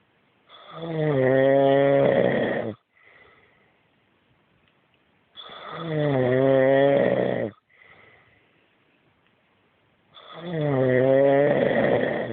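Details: Husband snoring loudly every night: three loud, rumbling, vibrating snores at about 13 a minute, each followed by a short quiet breath out; heavy snoring.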